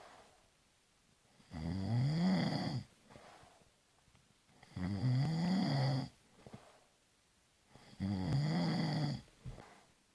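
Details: Snoring sound-effect recording: three loud, low, rattling snores on inhaled breaths, about 19 a minute, with quiet exhalations between.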